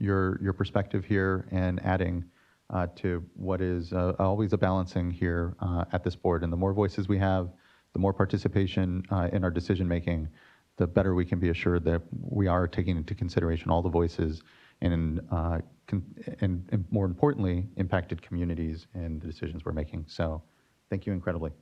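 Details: Adult male speaker; normal speech.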